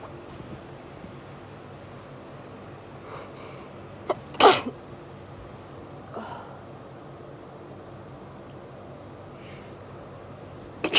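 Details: Person with hay fever during a high UK pollen count: soft breaths, then a loud explosive sneeze, a smaller sneeze and another burst; repeated allergic sneezing.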